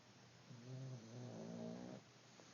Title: Pug snoring